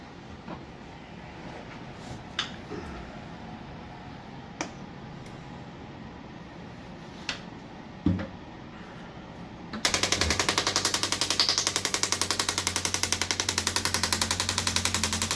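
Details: Shockwave therapy on an armwrestler's triceps; patient says it feels like deep tapping on the bones. Scattered clicks and knocks, then a loud, fast, steady clatter of pulses, about 220 a minute, from the shockwave device.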